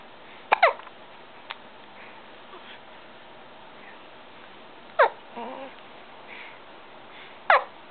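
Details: Three brief, sharp hiccups from a 2-week-old baby boy, several seconds apart, with small squeaky sounds after some; hiccups.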